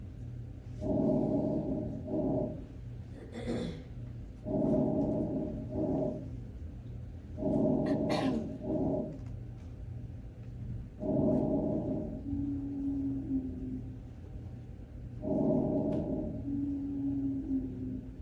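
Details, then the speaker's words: Labored, noisy breaths at about 17 per minute, with musical whistling tones on breathing out. It is an example of wheezing during an asthma attack, used for school health staff training. "so what does an asthma attack sound like"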